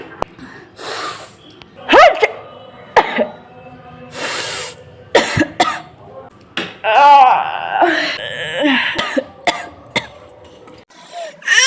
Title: Effects After Pujo Vibes 🤧🤒😪🥹 #ytshortsindia #coughing #sneezing #ytshorts